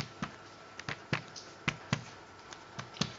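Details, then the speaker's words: Chest percussion on a male patient during lung examination for asthma (practice): series of short hollow taps giving a resonant (sonor) note over all lung fields. "disini terdengar suara sonar pada seluruh lapang paru"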